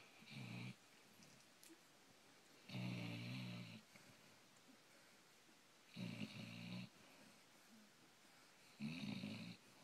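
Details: Sleeping Basset Hound snoring: soft, low, rumbling snores with each breath, about 20 per minute, in a quiet room; ordinary dog snoring.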